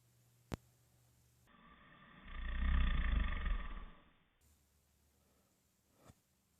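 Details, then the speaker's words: Wife snoring in her sleep in the middle of the night, reportedly worsening: one long, loud, low rumbling snore on an in-breath, with soft clicks in a quiet room. "hey there's someone I'm making all kinds of crazy sounds again I can't believe you didn't wake yourself up"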